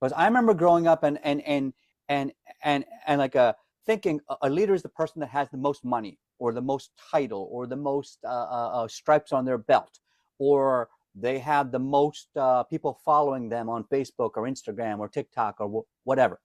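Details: Adult man with lifelong stuttering who says he is disfluent every day and hides it when singing; word repetitions audible; stuttering.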